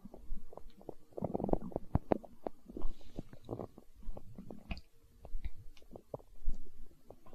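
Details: Hunger stomach growl in an ASMR recording: low gurgling and bubbling rumbles with irregular pops, ordinary stomach growling (borborygmi).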